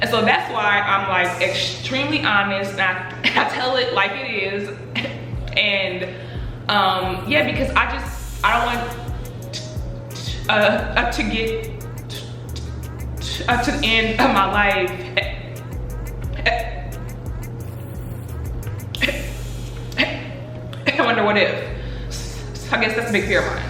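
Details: Adult woman who stutters, says she stutters less when angry; stuttering.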